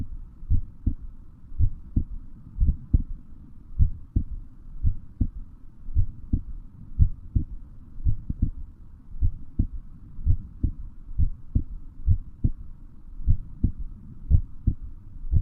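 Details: Steady low lub-dub heart sounds at about 58 beats a minute, with a faint hum in the background.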